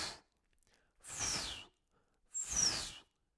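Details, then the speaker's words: Breathy whooshing bursts vocally imitating the harsh systolic murmur of aortic stenosis, high-velocity blood striking the arterial wall during systole; aortic stenosis systolic murmur (imitation). "O que que é esse barulho? É o sangue em alta velocidade colidindo com a parede das artérias, tá? E aí esse sangue em alta velocidade colidindo com a parede das artérias gera esse sopro com essa característica."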